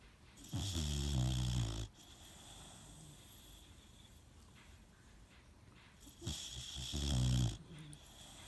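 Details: Boxer puppy asleep: two deep, rattling snores on breathing in, about six seconds apart, with quiet between. Snoring.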